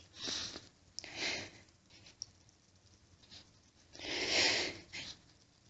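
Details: Female, repeated loud, wet, hissing sneezes, the loudest near the end, after stifling many sneezes; nose itchy and burning, sneezes louder and wetter than usual, washcloth held in front of face; sneezing.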